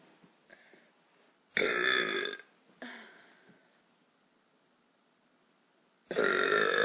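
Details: Woman burping after eating, saying the burps taste like pizza: two long, loud, voiced belches with a shorter one between them, in a quiet room.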